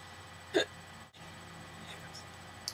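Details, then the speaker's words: Person with hiccups: a single short, sharp voiced gulp against quiet room noise, typical of one hiccup. "so apparently I have the hiccups and that was not water wasn't water it was like soda or something"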